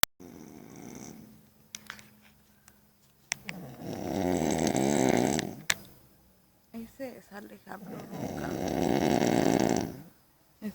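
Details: Man asleep in a camping tent, giving loud, rattling snores on two long in-breaths with quiet pauses and small noises between; heavy snoring.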